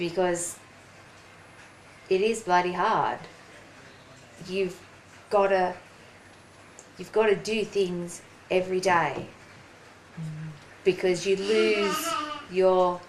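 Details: Woman, 43, with aphasia after a ruptured brain aneurysm and stroke 4.5 years earlier; slower speech and word-finding difficulty; aphasia.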